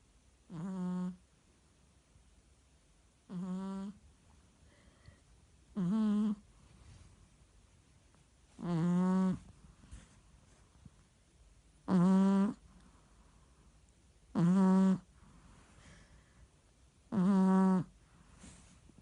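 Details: Short, buzzing, squeaky snores about 21 times a minute in a quiet room from a sleeping merle Chihuahua.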